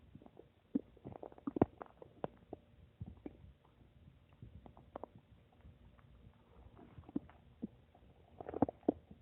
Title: My Stomach making noise 8